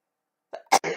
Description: Don't think I'm sick or under the influence of allergies or anything, but I've been incredibly sneezy today, so figured since I'd been MIA for a couple months, to share this with the rest of you!